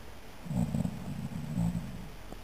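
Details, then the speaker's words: The recorder's brother, who denies snoring, recorded asleep at 11:44 pm: two low, rough, rattling snores about a second apart with faint room noise; ordinary snoring. "estos son los ronquidos de mi hermano quise grabarlo porque él dice odesia que no roncaba y la prueba está aquí"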